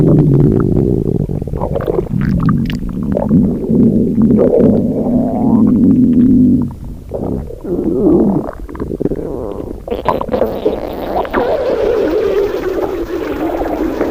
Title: Jinu saja Listen to Rumi Stomach growling